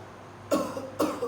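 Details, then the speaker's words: Elderly breathless male patient taught effective coughing by a nursing student: two firm, deliberate coughs about half a second apart to clear phlegm; voluntary effective cough technique. "bapak bisa melakukan teknik bahwa batuk efektif itu dengan cara Bapak batuk duduk bapak ketika sedang sesak nafas datang Bapak duduk atau berdiri juga"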